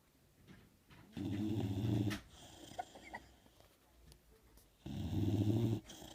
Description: My dog Rocko snoring.